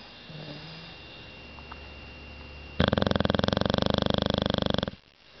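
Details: Snoring: after a quiet stretch, a loud, fast, buzzing flutter runs for about two seconds, then stops.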